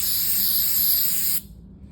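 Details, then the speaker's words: Steady high-pitched rush of compressed air for about a second and a half, then cut off: dental air-water syringe, tip not attached, checked for air only with no water during morning office opening routine. "check our water for 20 seconds then we would check our air make sure there's no water coming out at the same time"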